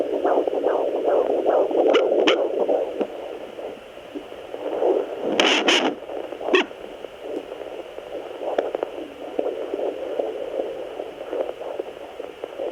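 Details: Home Doppler at 17 weeks of an IVF twin pregnancy, probe placed higher as the uterus is above the navel: fast whooshing fetal heartbeat about 146 a minute with probe scraping and static.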